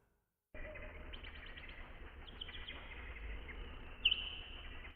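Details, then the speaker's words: Birdsong with steady outdoor hiss, processed to sound dull and muted in the treble, simulating a high-frequency sloping hearing loss shown on an audiogram, before applying hearing-aid frequency compression; simulated high-frequency sloping hearing loss. "ahora se escuchará nuevamente el mismo ejemplo pero procesado para simular una pérdida auditiva con pendiente en agudos como se muestra en este audio grama"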